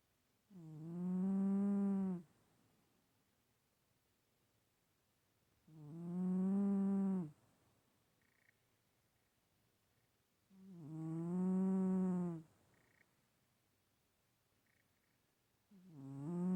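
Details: Regular buzzing snores from a sleeping cat, about 12 a minute, each under two seconds; harmless cat snoring.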